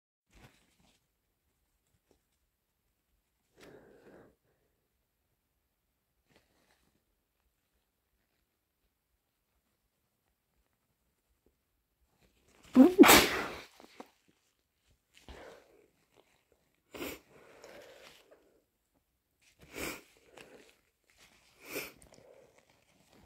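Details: Person with a cold: one loud, explosive sneeze after a quiet stretch, followed by several shorter bursts of nose blowing.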